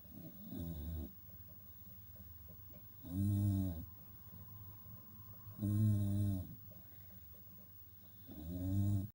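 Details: Snoring: deep, low rumbling snores on each breath in, about 23 a minute, separated by quiet breathing.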